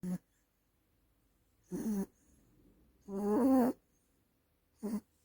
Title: WORLDS LARGEST DOG SNORE 😂 #foryou #subscribe #viral #rescue #puppy #snore